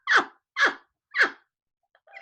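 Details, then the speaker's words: Three quick, soft, stifled sneezes in a row during a podcast conversation, then faint room sound; sneeze. "Because on a podcast, I mean, I sound like a Canadian goose when I sneeze."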